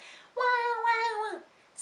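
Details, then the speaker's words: Adult imitating an infant's hysterical cry, explained as an exhausted baby who has cried too long and needs holding and calming: one high sustained wail that sags and trails off. "c'est déjà un cris hystériques parce que loin c'est j'en peux plus j'en ai assez pleuré je n'en peux plus"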